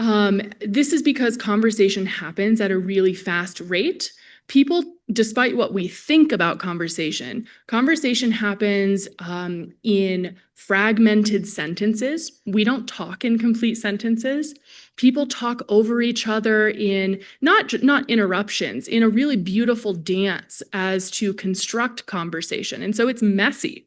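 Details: Adult woman presenter; typical speech.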